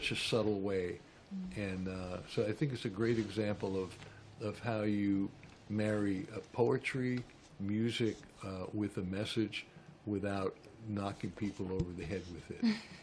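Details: Adult man speaking; Normal speech.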